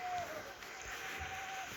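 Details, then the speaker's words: A faint, drawn-out moaning tone over quiet room noise during a long, prolonged breath out in sleep: sleep groaning (catathrenia). "typically that groaning or moaning sound happens uh with these long and prolonged expirations expirations"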